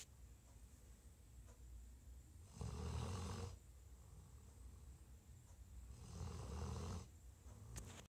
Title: Tired bloodhound snoring